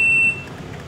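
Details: A brief steady high-pitched beep that stops, then room noise: a hospital equipment alarm in a staged production of the play "Wit." The patient triggers it at 4 a.m. to summon the night nurse. Equipment alarm beep.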